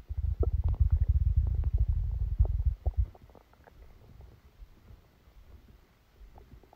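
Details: Stomach sounds recorded during a stomachache after Christmas dinner while the person slept: loud low gurgling and bubbling rumbles for about three seconds, then quieter scattered gurgles; active bowel sounds, stomach rumbling.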